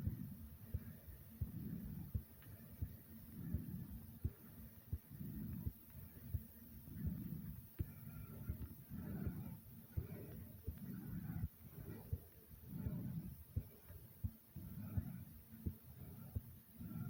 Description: after jumping in place for a little while my heart sped up and my breathing was a bit hard but no worries i am great :D